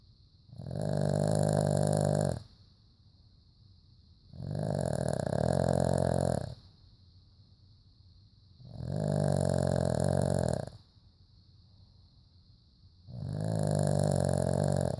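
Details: Sleeping pet dog snoring: loud, regular rumbling snores on each breath, about 16 breaths a minute, with quiet pauses between.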